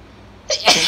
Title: Wet, Congested, Desperate Allergy Sneezes 🤧 (F)